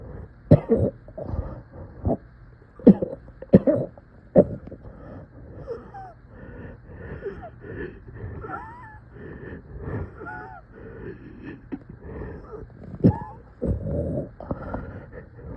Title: Coughing in so much pain!